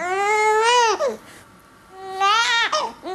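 Two rhythmic infant cry bursts with a 'neh'-like onset, the Dunstan hunger sound from the sucking reflex.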